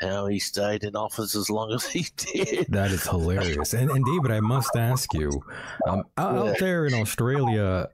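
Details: Adult male speaker; Normal speech.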